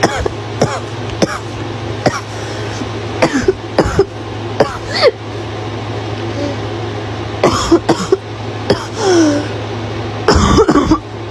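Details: Girl with repeated short, harsh barking cough bursts in clusters over a steady low engine or fan hum.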